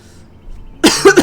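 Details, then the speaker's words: Brief quiet pause, then a short harsh cough burst with rapid pulses from a gamer with a cough lasting about a month after a quickly recovered cold, medicine from a doctor not yet helping; persistent post-viral cough. "is cough for about a month. It's kind of driving me crazy. seen a doctor about it. Uh but I don't know. They've been giving me medicine trying to see if it works, but still dealing with it."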